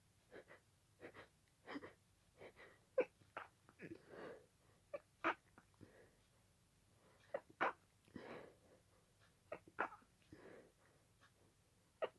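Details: Sneezing fit that continued an earlier fit and lasted about 20 minutes at fast speed: quick, soft sneezes following one another with brief gasps between.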